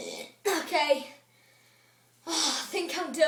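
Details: A child doing a burp challenge, drinking a beverage to induce burps, gives two long, loud voiced belches separated by a brief pause; burping.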